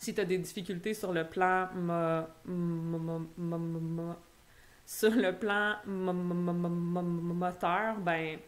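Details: Stuttering in an adult woman who stutters, a doctoral candidate in speech-language pathology, speaking French.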